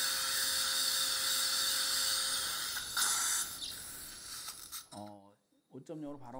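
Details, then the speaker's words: 67-year-old female, guided (OneGuide) implant surgery at teeth #45/#46 after socket preservation; high-pitched whining drill with rapid ratcheting during full-length 3.5 × 10 mm guide drilling, fading before brief speech: dental implant site preparation. "full length the drilling is done 3.5 by 10 millimeter one guy the white ball type was used to do Drilling"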